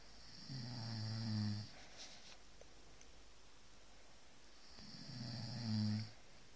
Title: Don't snore my arse!